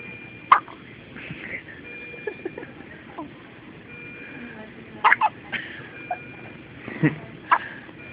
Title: Hiccups